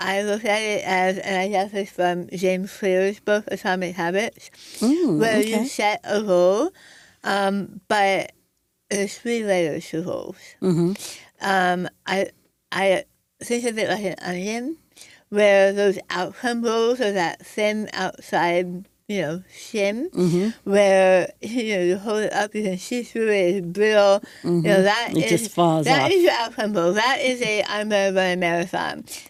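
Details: Adult woman after stage 4 right-sided tongue squamous cell carcinoma (diagnosed December 2021), over half of tongue removed and reconstructed with arm-skin flap, plus neck dissection, radiation, chemotherapy and speech therapy; altered articulation after partial glossectomy.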